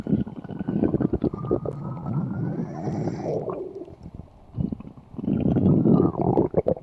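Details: Low, prolonged gurgling rumbles with bubbling bursts and a rising squeal: ordinary stomach growling (borborygmi) from gas and fluid moving through the gut.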